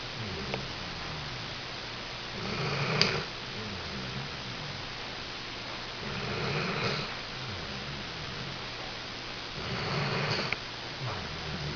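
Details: Snoring while napping: three rough, rattling snores every three to four seconds, about 17 breaths a minute, over steady room noise; ordinary snoring.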